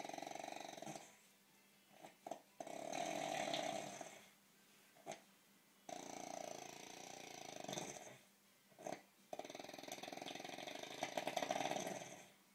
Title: Fat Boy snoring